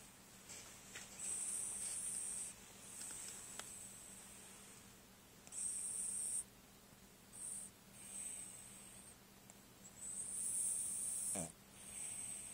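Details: Deuce, sleeping, with repeated high-pitched whistling, hissing breaths through the nose, each one to two seconds long, over a low room hum; whistling snoring.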